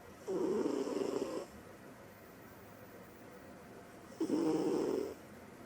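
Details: Female cat sleeping deeply: two soft, buzzing snores about three seconds apart over quiet room noise; gentle snoring.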